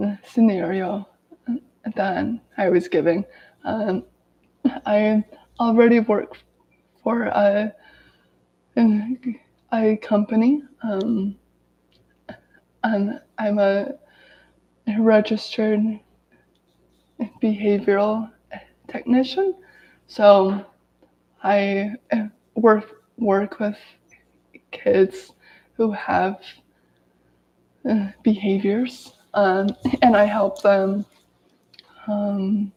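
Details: Adult woman who has stuttered daily her whole life, severe as a child, with speech blocks and S-words especially hard, speaking in a live video; stuttering.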